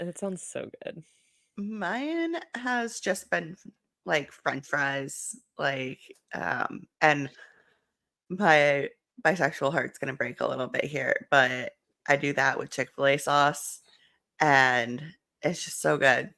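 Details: Adult speaker; ordinary speech.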